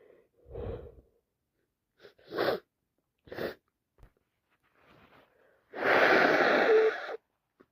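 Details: Day 4 of a head cold: several sharp wet sneezes with quick inhaled build-ups, the last long and wet-sounding.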